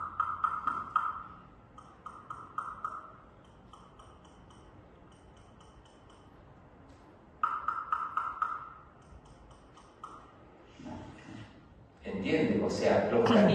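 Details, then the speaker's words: Percussion of teeth in an occlusion class with the patient in intercuspal position: tooth 23 rings normally while 24 and 25 sound altered, duller and hollow, consistent with fremitus. "Ya, escuche cómo es diferente el sonido. 23 normal. 24 25 alterado. Parece que está hueco."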